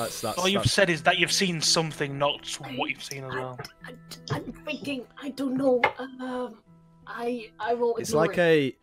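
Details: Adult man with a natural stutter that usually eases after about half an hour of speaking, heard during tabletop roleplaying; stuttering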